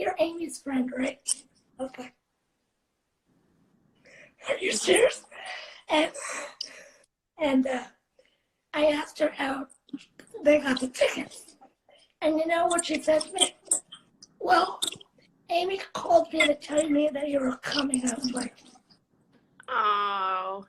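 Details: 17-year-old female motivational speaker living with cerebral palsy, speaking in a live interview; dysarthric speech in cerebral palsy.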